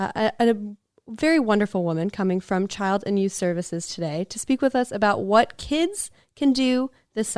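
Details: Adult woman speaking; Normal speech.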